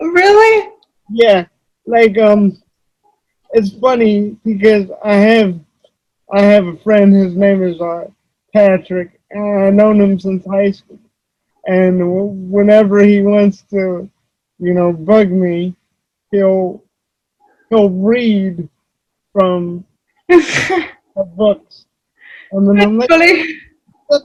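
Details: Adult male wheelchair user with cerebral palsy, who reports that voice-recognition software such as Dragon fails to understand him; dysarthria due to cerebral palsy.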